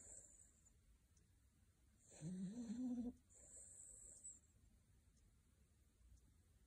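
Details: Small Havanese dog snoring: one soft, low rattling snore on an in-breath, then quiet breathing; best heard at high volume.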